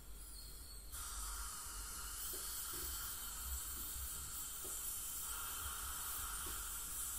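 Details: Professional teeth cleaning by a dental hygienist on a patient with heavy plaque and tartar: steady high hiss of suction and spray with faint intermittent scraping taps from an ultrasonic scaler with suction.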